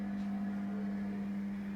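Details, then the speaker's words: Steady low motor hum as an assistant lowers a dental chair all the way down so the patient can sit properly, shown in a dental equipment safety demonstration. "So I would like to show you on this small demonstration. Let the assistant take this dental chair down,"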